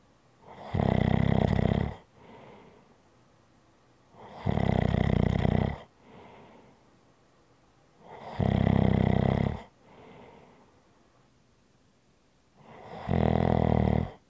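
Loud rattling snores on each breath in, with softer breaths out between, about 15 cycles a minute, in a quiet room.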